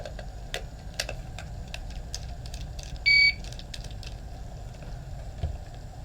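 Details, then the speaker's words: HeartMate II LVAD controller yellow wrench alarm, deliberately set for demonstration: brief high electronic tone over room noise, signalling a controller fault where the patient may need to change controllers at home. "this is what our yellow wrench alarm sounds like this could potentially be a situation where the patient needs to change their controller at home"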